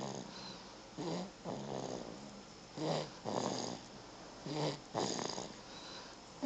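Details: Snoring in a sleeping baby: soft, irregular noisy breathing sounds recurring roughly every one to two seconds, with faint room noise.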